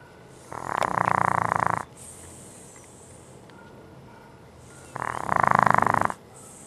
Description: Our french bulldog snoring.